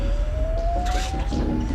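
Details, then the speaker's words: Steady rising electronic whine over background bustle: a paramedics' defibrillator charging through connected pads before stacked shocks for ventricular fibrillation in a 55-year-old man in cardiac arrest. "okay guys is's in VF so I'm just charging uh pads are they connected all right guys um we're going to do stack shock Three Stacks is everyone clear shock charging"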